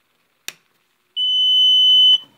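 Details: A click, then a steady high-pitched beep of about a second as a stationary Invacare Perfecto 5-liter oxygen concentrator is plugged in and switched on; oxygen concentrator start-up alarm beep.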